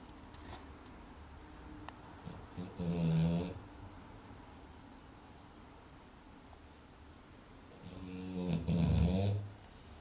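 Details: Typical nap: two low, rattling snores on the in-breath about five seconds apart in a quiet room; snoring.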